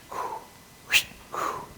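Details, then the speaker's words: Vocal imitation of the aortic stenosis murmur heard over the aortic area: short crescendo-decrescendo swells that rise and fall, separated by a sharp click. "a hard sounds that you get is What's called the crescendo de Crescendo m he he sound like something like"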